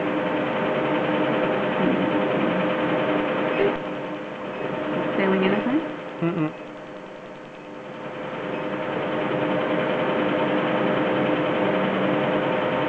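Steady rapid clicking pulses over a constant hum, with brief soft voices: a laser tattoo removal device firing during treatment.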